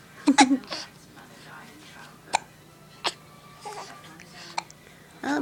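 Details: Baby with recurrent hiccups, also felt before birth: sharp, abrupt hiccups about one every second or two, with brief fussy whimpers between them.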